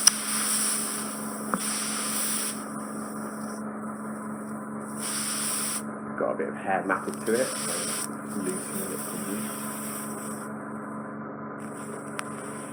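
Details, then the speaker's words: Ear wax microsuction; the eardrum looks healthy, with leftover dead skin caught in the suction probe: constant loud suction hiss and hum with surging rushes and brief squeaky clarinet-like fluttering as the skin vibrates then releases. "you get a loud clarinet noise the skin gets trapped and the suction probe and it just vibrates and then releases"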